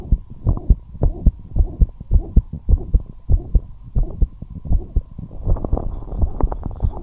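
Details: Heart murmur heard as a fast heartbeat of low thumping beats, with a rushing sound filling the gaps, over a steady background hum; the heartbeat became fast despite the patient being kept at rest.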